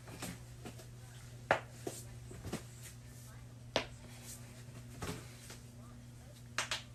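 Several sharp, isolated pops and cracks over steady room hum, typical of joints cracking; a harmless, normal finding.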